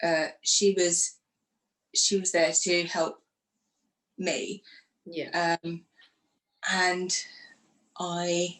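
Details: Woman who had a stroke after surgery in 2018 at age 44, lost her speech afterwards and now lives with post-stroke aphasia; aphasia.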